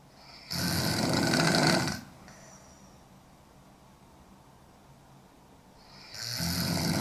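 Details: Young woman snoring hard: long, loud, harsh snores on each breath in, separated by a few seconds of quiet; heavy snoring.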